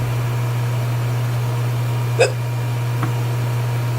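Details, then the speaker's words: A person's hiccup from a run of about nine in 1 minute 28 seconds: a single sharp hiccup over a steady low hum, then a fainter click. "Yeah, it might sound fake, but everybody hiccups differently. I got 7 or 8. I'm guessing it's 8. Done. 9 hiccups in 1 minute and 28 seconds."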